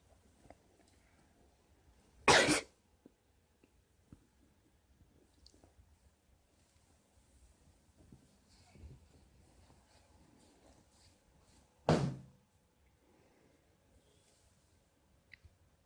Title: sneezing 2 20 03 18